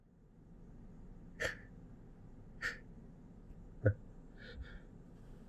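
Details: Person holding back sneezes into a tissue: three short, muffled, stifled sneezes with quiet room noise between; stifled sneezing.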